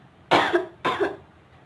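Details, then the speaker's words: A nursing student demonstrates the effective cough technique: breath in, hold for five seconds, then two sharp, forceful coughs in quick succession to clear airway secretions. "Baik saya akan mempraktekkan batuk efektif yang pertama Tarik nafas Hai tahan selama lima detik Hai batu karena suka"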